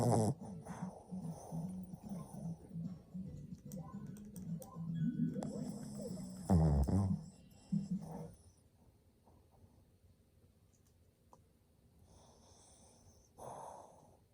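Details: Male Shih Tzu dog born March 2015, sleeping, snoring like an old man: loud, low rumbling snores over the first eight seconds, then quieter breathing; faint background noise.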